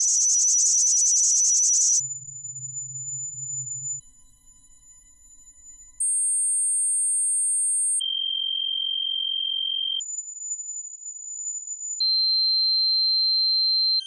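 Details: Sound-effect simulation of tinnitus: steady high-pitched ringing tones and hiss, changing pitch every couple of seconds.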